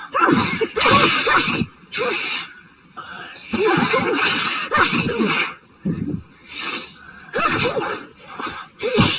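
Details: Person with a sneezing fit after going outside on a high-pollen day, suspecting a new grass allergy: rapid run of about eight explosive sneezes in nine seconds, some with a brief catch before.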